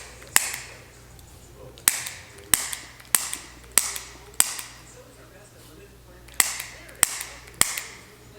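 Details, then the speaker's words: Chiropractic neck adjustment, patient's head brought back and let fall to the side after a deep breath: nine sharp cracking pops in quick sets, joint cavitation (air release). "so when your body's out of alignment and um they're they leave a little bit of space and the air gets in there so when we put everything back again that's just the air leaving kind of like poppers and packages"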